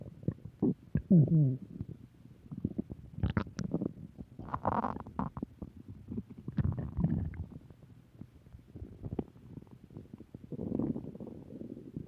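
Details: Recurring stomach growling: low gurgles, rumbles and bubbling pops in irregular bursts from gas and fluid moving through the gut; borborygmi.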